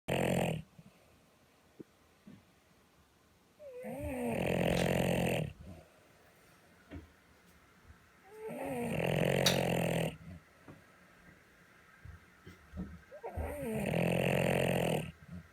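Loud, rattling, wheezy snores, each about two seconds long, come roughly every five seconds. Snoring, with the noisy airway typical of a flat-faced dog.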